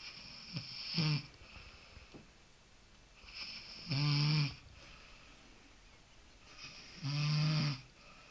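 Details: Snoring: loud, rattling snores on each in-breath, about 20 breaths a minute, with quiet breathing between.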